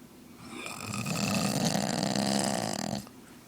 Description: Serious snoring.